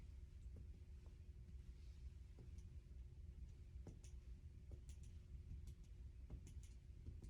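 A series of soft, hollow taps against a quiet low room hum as the back is percussed; the note is normal lung resonance on both sides.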